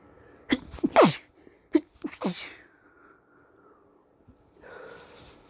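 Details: Male sick with suspected flu, exhausted: a burst of about four sharp, explosive sneezes in quick succession, then a quieter breath; repeated sneezing.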